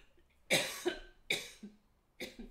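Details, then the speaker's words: Three sharp, harsh cough bursts, each with a softer trailing catch, in a quiet room, from an adult ending a live cooking stream who apologizes for coughing and a failing voice; cough. "Thanks again, guys, and sorry about my voice, sorry about my coughing."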